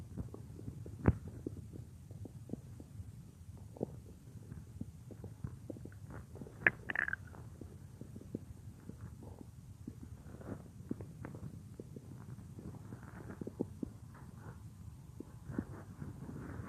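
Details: Simulated stomach-growling roleplay (F4A) of lying on a woman's stomach as she works at a computer; her own naturally loud stomach gives soft irregular low gurgles and rumbles with occasional louder squelches: normal borborygmi.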